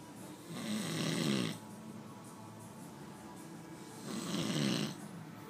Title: snoring